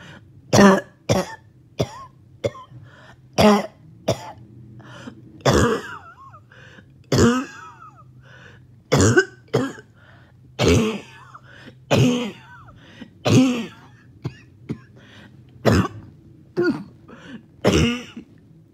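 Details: About twenty harsh, explosive coughs in quick succession with strained gasps between them; a choking coughing fit with trouble breathing after a 20-minute morning walk or workout.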